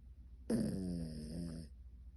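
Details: Sleeping dog snoring with one eye open: a single drawn-out nasal, groaning snore of about a second in a quiet room.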